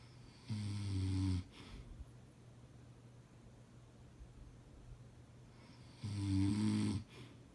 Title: Husband snoring